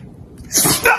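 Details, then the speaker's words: A dog sneezing repeatedly ("really sneezy today"): a sharp snorting burst after a brief quiet inhale. "Whoa! Oh, somebody's really sneezy today."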